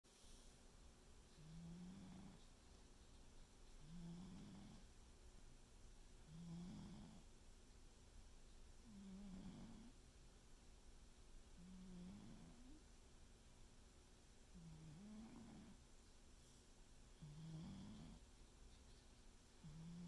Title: Snoring cat , seriously? our cat is snoring